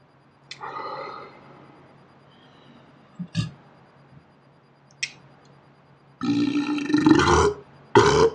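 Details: Someone burping on their own, slowed down in playback: long, deep, rumbling belches with a few short clicks between them; burping.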